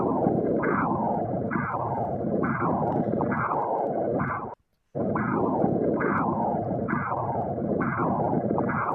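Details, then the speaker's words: Pulsing whooshing Doppler signal continuing between beats, about 110 a minute; normal low-resistance visceral artery flow on transverse abdominal ultrasound. "seguimos mirando un poquito más un ejemplo de arteria viseral de baja"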